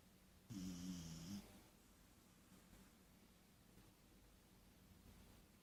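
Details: Sleeping puppy, possibly dreaming, gives one brief, slightly whistly snore, then breathes quietly in a still room; snoring.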